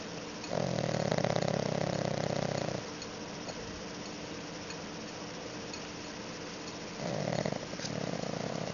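Loud, rough, vibrating snores on breathing, one long snore then a pause before the next; ordinary snoring.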